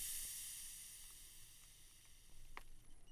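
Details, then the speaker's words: Steady hissing of air escaping as a sphygmomanometer cuff on the arm over the brachial artery deflates after palpatory systolic estimate of about 120 at the radial artery, with faint clicks near the end: cuff deflation. "we'll remember this number and deflate the cuff"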